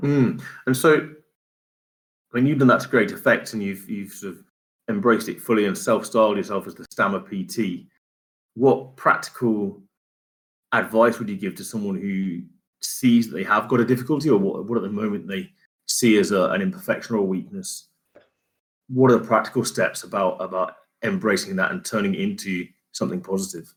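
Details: Adult man; typical speech.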